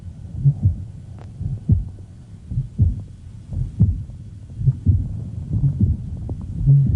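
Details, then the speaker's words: Heartbeat near 57 a minute with a low, honking murmur that swells with ventilatory effort, heard from the foot of the bed: tricuspid regurgitation in a female patient with abnormal mitral valve, possibly rheumatic disease. "it's accentuated by her ventilatory effort because of the increase in right ventricular blood volume it has a very distinctive character says like a honk"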